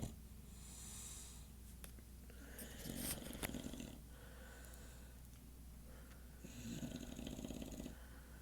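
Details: English Bulldog asleep at 2:50 a.m., snorting, rattling snores at about 16 breaths a minute over a steady low room hum; snoring.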